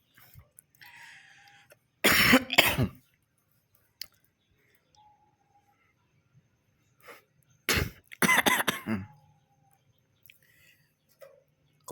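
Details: Jalak kebo (buffalo starling) being trained to talk and to imitate coughing: two clusters of harsh, cough-like bursts separated by quiet, a bird mimicking a human cough.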